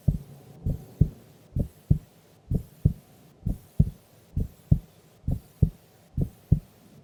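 Steady paired low thumps at about 66 beats a minute, a regular resting heartbeat with clear first and second sounds.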